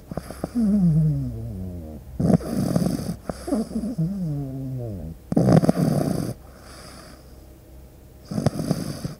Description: This deep sleep video features the sound of a pug puppy snoring.